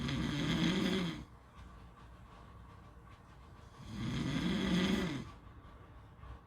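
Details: Two long, rough, vibrating snores about three seconds apart, with quiet breathing between and steady background noise, possibly at a beach; snoring.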